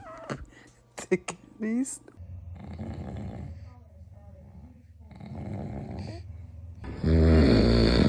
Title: Dad's snoring disturbed the baby🥹😂#funny #baby #usa #foryou #love #2025